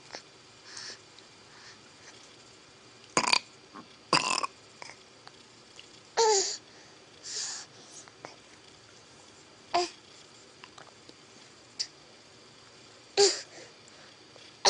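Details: Repeated burping while lying close up on the floor: several short, harsh bursts with scattered softer noises between them.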